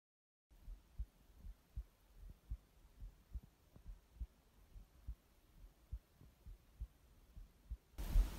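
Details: Recorded heart sounds being processed to make them sound better: regular low paired thumps at about 82 beats per minute, with faint hum in the background.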